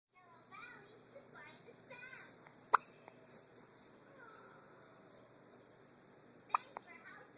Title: Baby hiccups